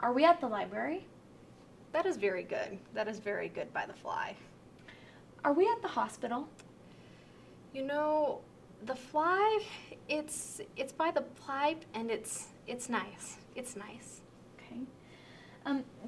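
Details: Demonstration of severe Wernicke's aphasia during a picture description, with impaired comprehension and repetition and possible unawareness of the difficulties; Wernicke's aphasia.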